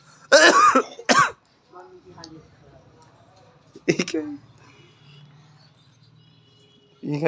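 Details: Three children asked what kind of cough they have: a few deliberate-sounding coughs and throat clearing, amid soft talk and laughter in a quiet room.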